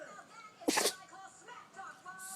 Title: Dog sneezing